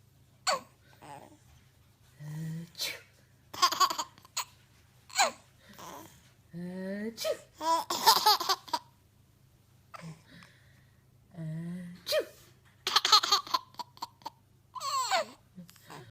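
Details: Adult (mother) sneezing several sharp times, each followed by a sleeping baby's giggling laughter; ordinary sneezing.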